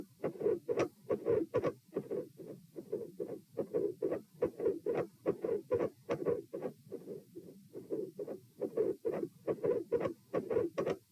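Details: Heart auscultation at position P during a postural stress test (lie, sit, stand, lie; 72 bpm supine, 84 sitting, 108 standing, 72 supine): mid-systolic click with split S2.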